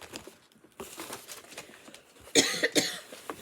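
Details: Adult woman coughing while recording a knitting podcast: quiet room sounds, then two harsh coughs close together.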